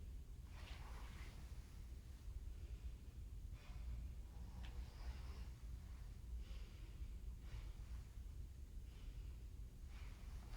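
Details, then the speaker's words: Normal breath sounds during a head-to-toe nursing assessment: a female patient breathes in and out on request with quiet, steady, unlaboured breaths; clear lungs with no crackles or wheezes. "So clear lung sounds there. She's not struggling to breathe in or breathe out. No crackling, no wheezing."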